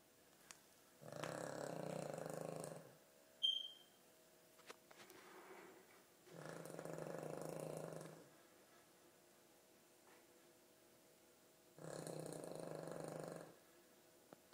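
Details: Soft, rumbling, noisy breaths in long cycles with quiet pauses between, in a quiet room, from a sleeping dog described as having problems beyond snoring; snoring.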